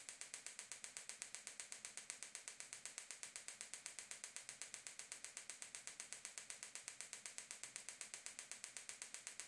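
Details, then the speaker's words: Rapid, steady sharp clicks, about eight per second, from a Gymna Shockmaster 300 15 mm focused head at 3 bar, 8 Hz, 2000 shocks with ultrasound gel on the heel: shockwave treatment for proximal plantar fasciitis or bony heel spur. "keep keep applying the shocks to the same area until all 2,000 shocks have been applied"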